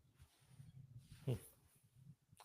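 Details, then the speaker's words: Adult's stomach growling (borborygmi), picked up by the microphone during a live stream; the person had eaten dinner. "Yeah. My stomach is making noises. I don't know if you can hear that stomach. It's my stomach."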